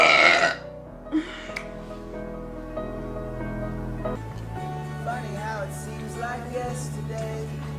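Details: A single short, loud, throaty burp during a live stream, followed by quiet background music.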